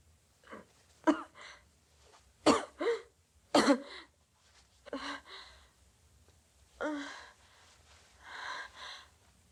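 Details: Acted adult cough from a film scene: about eight short, harsh coughs in irregular clusters, some rough and throaty; simulated cough.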